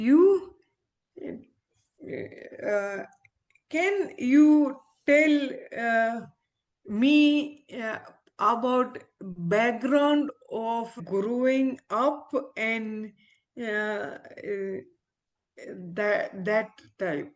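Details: Aphasia in an adult female ophthalmologist following a stroke, currently recovering her speech with a speech-language pathologist; real patient.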